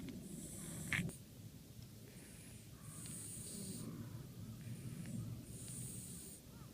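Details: Stray cat with a stuffy nose, whistling with every breath: rough, rattling snore-like breathing with whistling snorts through a blocked nose, outdoors; nasal congestion snoring.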